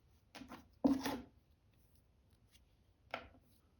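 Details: Cuticle nipper cutting cuticles during an ingrown toenail spike removal pedicure: a few short, crisp snips and scraping sounds in a quiet room.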